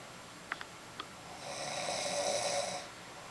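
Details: Snoring: a few small clicks, then one drawn-out, rattling, hissing snore lasting over a second.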